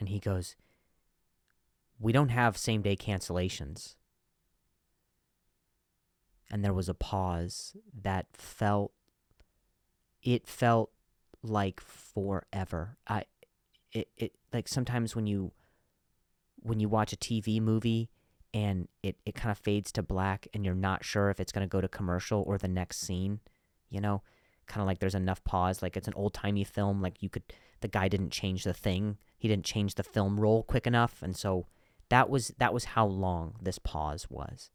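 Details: Real stuttering in an adult male comedian speaking naturally while hosting his own podcast; he says some words are hard for him to say.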